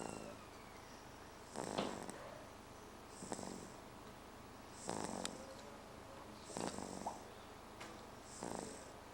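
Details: Sleeping baby girl snoring: soft, regular snorting snores, about 36 a minute, each with a light growly rattle.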